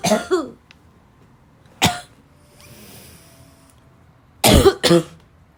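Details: Harsh, dry, barking coughs from a girl in short bursts, about five in all, with a brief throat-clearing sound between them; barking cough.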